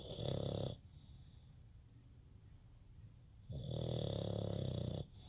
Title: snoring. !!!